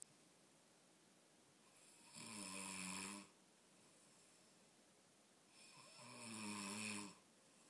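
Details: man snoring after falling asleep past midnight; two long, vibrating inspiratory snores about four seconds apart with quiet breathing between; loud snoring.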